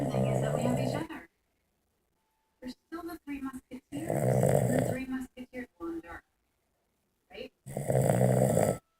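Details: Female snoozing on a lazy afternoon: loud, buzzing snores alternating with short, choppy bursts and abrupt silences suggesting editing.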